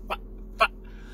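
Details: Adult male stand-up comedian with Tourette syndrome: two brief, abrupt hiccup-like throat noises, a simple vocal tic.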